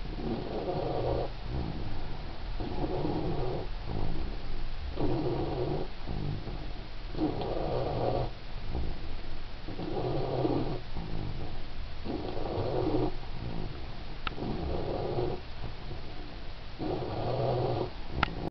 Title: snoring better